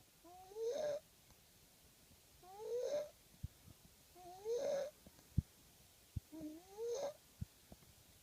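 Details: Baby snoring while asleep, four soft, rising squeaky-whistly breath noises about 2 seconds apart with faint clicks between, in a quiet room.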